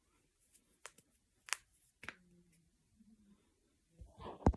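Several sharp, isolated pops in a quiet room, typical of knuckle cracking from gas release in finger joints; harmless.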